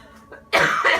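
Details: Single harsh, forceful cough after a brief catch of breath, from a woman with pneumonia and asthma who is taking antibiotics and using an inhaler, while cooking.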